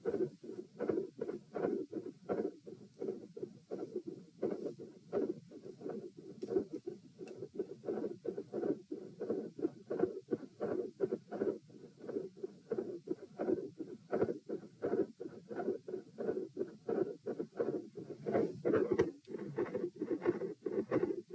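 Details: Heart sounds recorded at position P, second test, rate 90-72-96-90-102 bpm: rapid, scratchy beats near 90 a minute whose spacing speeds and slows with breathing; pronounced respiratory phasic variation persisting despite provoking manoeuvres.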